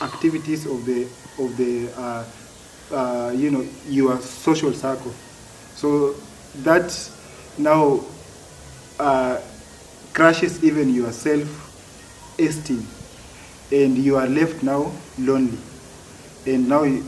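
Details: Adult man who has stammered since childhood; stuttering.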